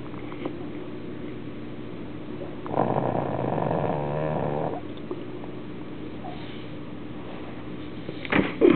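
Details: Pug with no snout, sleeping beside dog food she cannot smell, snoring: a single rough, rattling snore of about two seconds against quiet room noise, then a brief stir.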